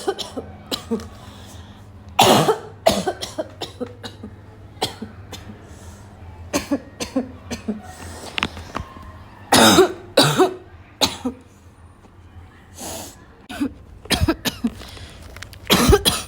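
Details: Afternoon coughing fit in a girl, starting weak and becoming violent: repeated harsh, possibly barking cough bursts with throat clearing and snorts, some in close clusters, over a quiet room background.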